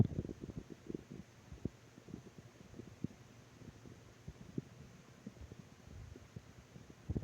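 Low, irregular gurgles and rumbles over a quiet background; ordinary stomach growling from gas and fluid moving through the gut.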